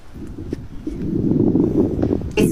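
Rough, rumbling breath noise with coarse crackling through the breath, typical of a smoker's lungs.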